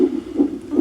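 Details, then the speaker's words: Rapid, rhythmic whooshing pulses of a fetal heartbeat on a monitor with faint background hiss. "That lovely little sound is what? Our baby's heartbeat."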